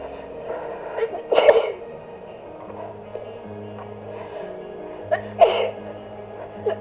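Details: Two sneeze bursts about four seconds apart over background music during an ongoing sneezing fit that started while relaxing, recorded on a phone.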